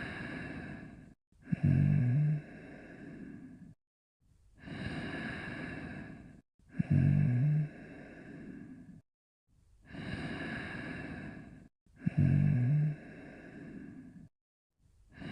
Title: Astro and Braveheart Sleeping and Snoring